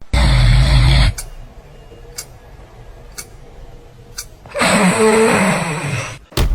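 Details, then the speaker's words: Sleeper: loud rasping snore, several seconds of silence, then a forceful snorting breath; breathing pauses suggesting possible obstructive sleep apnoea, advised hospital sleep evaluation. "种有问题，要重视了，可能是有呼吸暂停综合征，建议快点去医院的呼吸科或者睡眠障碍门诊去做个检查。"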